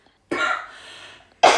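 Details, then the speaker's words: Acted triage simulation: adult patient with a three-day cough and no swallowing problems gives a single cough with a fading breathy tail, then starts another cough. "Јас дојдов на преглед. [прочистување грло] Имам некоја [кашлање] кашлица."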